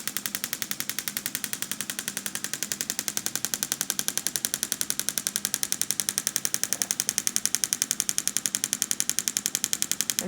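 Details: Pulse-wave (shockwave) therapy applied slowly over the wrist's carpal tunnel and flexor retinaculum of a female patient with carpal tunnel syndrome: rapid, regular sharp clicking pulses throughout from the device.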